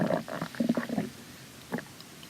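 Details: Stomach growling in a hungry girl in the morning before school: a brief low gurgling growl followed by a short second rumble; ordinary bowel sounds.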